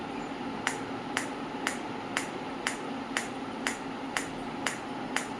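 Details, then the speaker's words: Regular sharp clicking pulses, about 120 a minute, over steady hum from a Biotronix PEMT loop pulsed electromagnetic field therapy unit at 2 Hz, intensity stepped through levels 2–5; sound grows as magnetic field increases. "So in each level you can hear the sound also that magnetic field has been increased."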